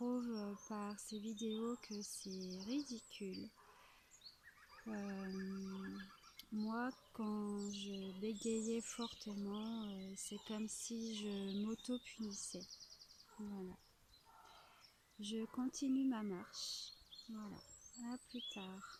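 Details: Adult French-speaking woman whose stutter kept her from really living her life until two or three years ago; she now applies a fluency technique with a speech therapist; stuttering.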